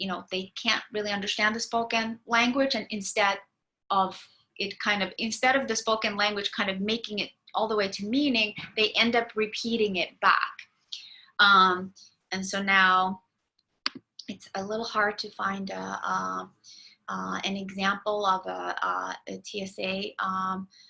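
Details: Adult lecturer; typical speech.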